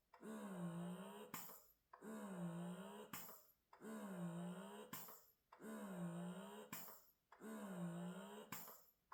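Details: Wearable breast pump running during a noise comparison test: steady rhythmic motor cycles, about 33 a minute, each a rising-falling hum ending in a sharp release click.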